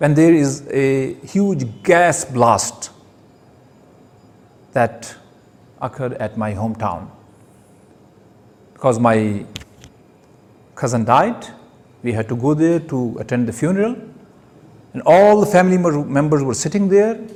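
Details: Stuttering with word and phrase repetitions in an adult male giving his first public speech at a Toastmasters club.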